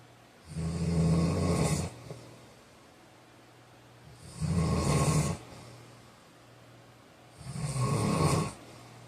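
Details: Sleep snoring: loud, low rattling snores on each in-breath, three over nine seconds, with quiet pauses between.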